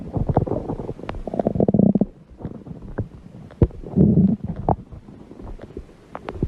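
Loud, deep rumbling gurgles in two main bursts with smaller pops between; normal stomach growling.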